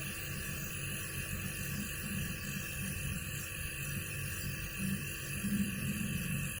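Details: A steady mechanical hum and hiss of a nebulizer compressor running throughout, steam treatment for a small child with flu and cough at a community health centre, with faint room noise.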